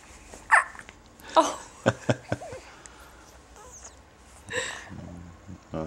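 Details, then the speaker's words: A baby's first hiccups: short, abrupt hiccup sounds repeating several times, with a soft fussy vocal sound near the end. Infant hiccups. "from what I read about them you don't that they're actually not as bothersome in babies as they are in people and that they don't really hardly notice them and you should just let them stop on their own"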